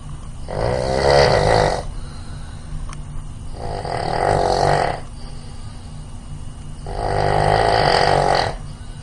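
Three loud, rattling snores, each a drawn-out noisy rasp on the in-breath with quiet gaps between, about 20 a minute: habitual snoring.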